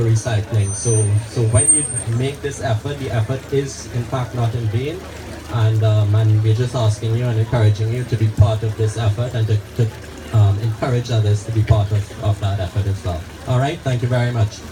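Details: Adult male speaker; ordinary speech.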